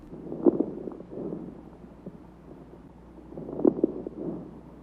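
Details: Lung crackles in heart failure with pulmonary edema, heard through a stethoscope as short, sharp pops early in each of two slow, deep breaths.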